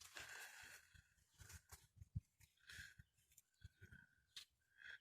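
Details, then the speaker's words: Cow, owner suspects dust pneumonia: noisy breathing with a high, whistling wheeze on some breaths. "usually dust pneumonia i mean the cows will usually get past it on their own without too much trouble you hear them wheezing for a couple of days but we also keep a close eye on them when we know it"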